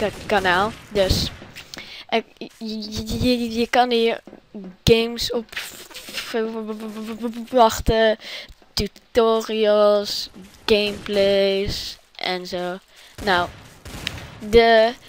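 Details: Dutch-speaking speaker whose stuttering is only suggested by his self-chosen "stuttering" channel name, not otherwise stated; stuttering.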